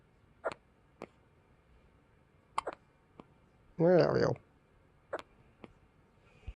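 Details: Person with hiccups: short, sharp hiccup clicks at irregular intervals, with one brief vocal sound in the middle.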